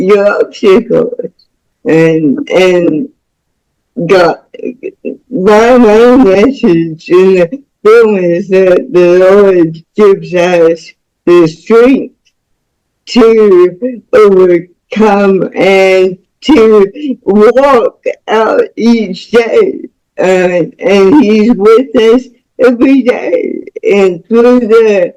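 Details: Woman about to turn 49 with spastic cerebral palsy since birth, which she attributes to being born with the umbilical cord around her neck five times; real, unacted speech; dysarthric speech in cerebral palsy.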